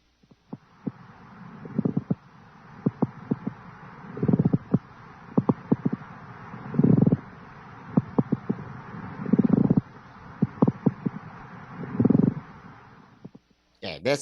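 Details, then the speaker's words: Rough, creaking grating sounds recurring with each breath, resembling leather sliding on leather: pleural friction rub. "the sound produced the pleural friction rub resembles the sound of leather sliding on leather"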